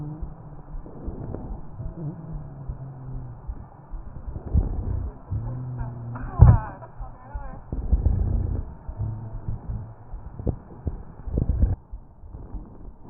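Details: Real patient recorded with an electronic stethoscope over the trachea: tracheal crackles and rhonchi with cough.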